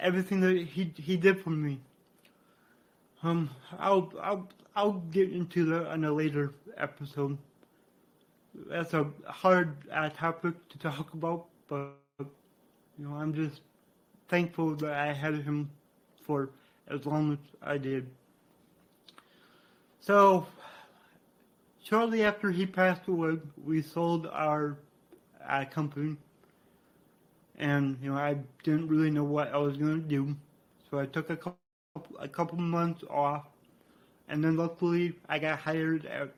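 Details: Adult man with cerebral palsy from brain damage after being born without heartbeat or breathing and revived, who reports a resulting speech impediment; dysarthria (cerebral palsy).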